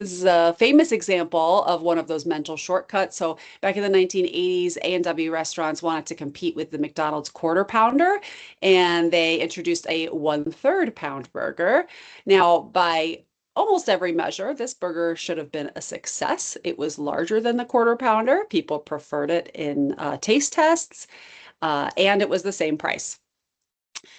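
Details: Adult woman; typical speech.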